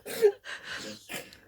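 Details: Small Chihuahua dog sneezing: a couple of quick, breathy nasal bursts.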